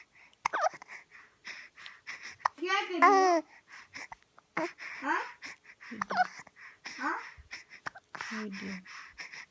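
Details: A young child hiccupping: short, abrupt voiced catches between babbling and a laugh-like squeal in a small quiet room.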